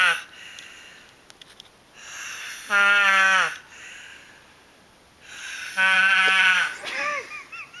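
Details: Father snoring loudly in sleep, likened to a sheep; two long, loud, bleating snores with a quavering, sheep-like tone, separated by quiet breathing.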